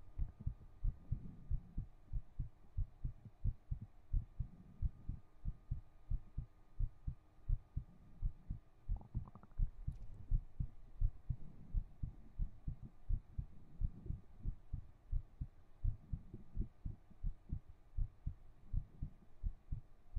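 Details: Heartbeat recorded with a 3Dio binaural microphone during an ASMR stream: soft, regular low thumps, about 85 per minute, with faint room hum.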